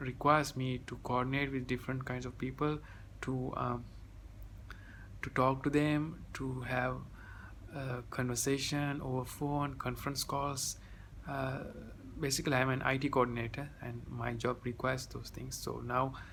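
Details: 30-year-old man who has stammered since childhood, now near overcoming it, reporting his stammer decreasing after three weeks of a technique; stuttering.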